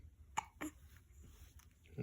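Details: Baby with hiccups: two brief, sharp catch sounds about a quarter second apart over quiet room noise.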